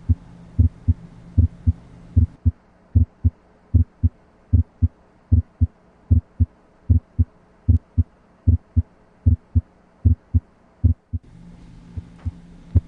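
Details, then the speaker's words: Normal heart sounds, S1 and S2, auscultated over the left lower sternal border (tricuspid area) with the stethoscope diaphragm: regular paired sounds at about 76 a minute; S1 loudest at apex, S2 at base. "again S1 is loudest at the Apex and S2 is loudest at the base of the heart"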